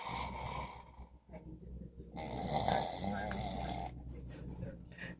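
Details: Sleeping adult man who denies that he snores: loud, rough snoring like a bear, louder than the television, partly masked by room and TV noise.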